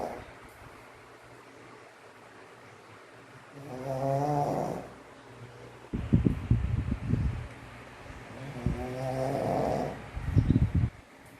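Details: Two loud, rattling snores with a buzzing tone on the in-breath, separated by quieter breathing, from Max, a sleeping pug; snoring in a flat-faced dog.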